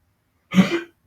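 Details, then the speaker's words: A dog with a slight ongoing cough gives a single short, harsh cough burst in a quiet room. "Des excuses si vous entendez mon chien tousser, il tousse un peu."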